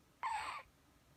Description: 赤ちゃんのくしゃみ。